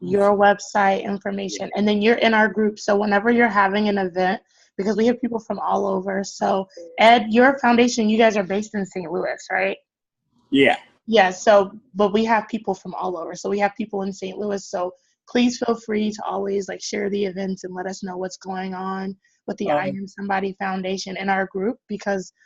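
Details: Adult woman speaking; typical speech.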